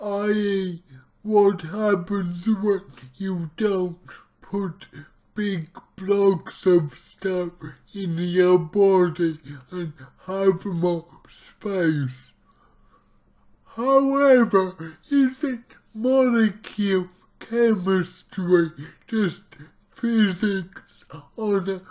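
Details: Man with cerebral palsy, about two weeks into trying a keto diet to see whether it affects his CP; real speech, heavily distorted; dysarthric speech (cerebral palsy).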